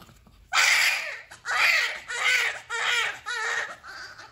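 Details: Newborn baby boy just after a normal delivery, meconium-stained, in a lying-in clinic: five loud, strong wails with short breaths between them, the last one softer; a vigorous cry soon after birth.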